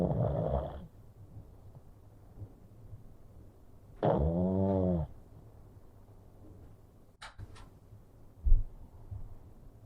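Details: A small pug asleep and unwinding gives two loud, rattling snores about four seconds apart, with quiet breathing and faint clicks between: flat-faced dog snoring.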